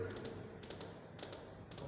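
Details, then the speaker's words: Imitated gallop rhythm: tapped groups of three quick knocks mimicking a horse's gallop, representing a third heart sound (S3 gallop), described as characteristic of left heart failure. "si fuera un caballo. Así suena el corazón. Los tres sonidos van a escuchar en el corazón."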